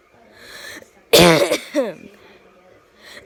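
A quick indrawn breath, then one loud explosive sneeze with a voiced trailing sound; a single sneeze.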